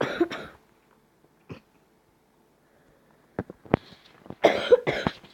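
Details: Coughing: a short burst of coughs, then quiet, then several more coughs and throat clearing in a small room.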